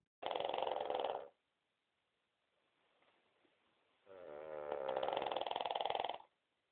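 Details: Two Cavalier King Charles Spaniels, a grandmother and granddaughter, snoring: two loud, rattling, vibrating breath sounds separated by a quiet pause; typical snoring.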